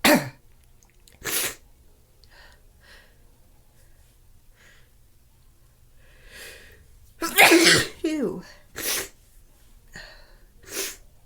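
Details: Congested, stuffy nose: several loud sneezes spaced apart with quieter sniffs and nasal noises between.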